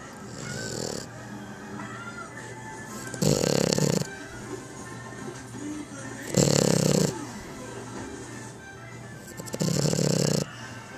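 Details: Young female French Bulldog snoring: three loud, rasping snores, about 18 a minute, over background music.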